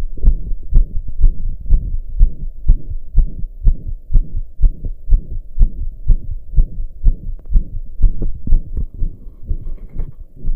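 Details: Own heartbeat recorded lying down after pounding hard for hours, now slowed to about 60 a minute, with a loud whoosh through each beat: heart murmur.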